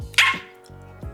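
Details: 27-year-old woman diagnosed with Tourette syndrome at age 12; a short bark-like sound interrupts her speech; finding: vocal tic (Tourette syndrome).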